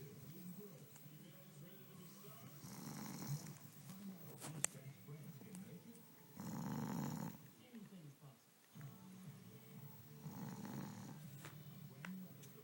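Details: Husband snoring in sleep: low, rumbling snores recurring roughly every three to four seconds over faint background sounds; ordinary sleep snoring.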